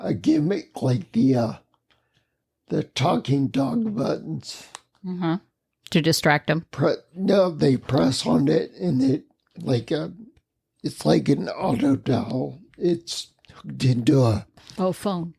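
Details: Ataxic dysarthria in a man with the rare neuromuscular disease spinocerebellar ataxia, causing mobility challenges, a speech impediment and noise-induced anxiety, lived with for over 20 years.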